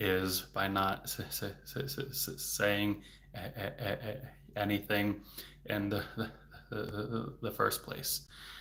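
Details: Stuttering in an adult male speech-language pathologist who stutters, speaking spontaneously in a livestream, with word repetitions.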